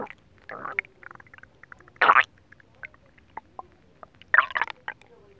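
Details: Bubbling, popping gurgles and short rumbles from the belly after eating a whole pot of nabe (Japanese stew), recorded with a TV faintly audible, along with belly rubbing and oil massage; normal bowel sounds (borborygmi).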